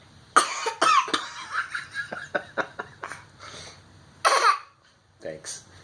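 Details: A baby gives a few short, high-pitched coughs between playful vocal sounds, near an adult's voice, coughing in dad's face; cough.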